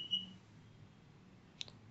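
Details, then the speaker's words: Interferential/ultrasound combination therapy machine with contact sensing: single short high beep and faint click as the patient lifts his hand off the electrodes, stopping electrotherapy and triggering an error alert beep. "now as the patient lifts his hand out from the electrodes the treatment will stop and the machine will start beeping"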